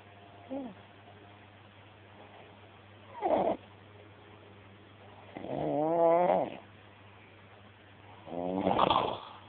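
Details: Man asleep on a settee, snoring: irregular snores with a rough, rattling quality on each breath over a steady low room hum.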